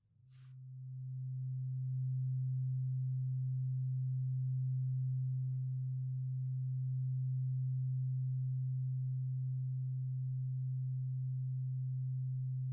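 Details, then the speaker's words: Roleplayed ASMR ear examination: a steady, pure low hum held throughout as a tuning fork's vibration moves from one ear to the other, and the listener is asked which ear hears it. "It is a tuning fork, and you are going to hear like a vibration from it go from one ear to the other. And I want you to pay attention to the sound you hear and how it moves around you."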